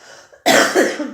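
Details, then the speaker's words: An adult woman, recovering her voice, lets out a sudden harsh cough with a second push straight after it, after a brief quiet moment. "Pardon, excusez-moi, j'ai un peu retrouvé ma voix mais je tousse un peu, donc je vous prie de m'excuser."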